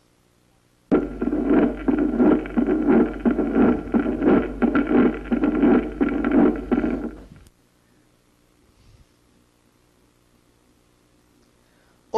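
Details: Loud, low-pitched first heart sound with an opening snap, heard at the cardiac apex in the lower precordium, following the long diastolic pause: mitral stenosis.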